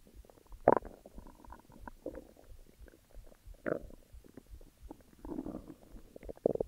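Quiet gurgles and bubbling rumbles with a few louder squeaky bursts; ordinary stomach growling.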